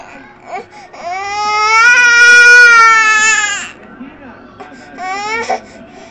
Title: cutest baby cry